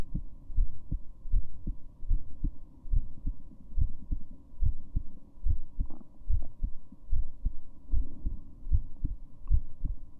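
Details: Heartbeat of a female: steady low double thumps at about 70 beats a minute over a faint hum; normal heartbeat.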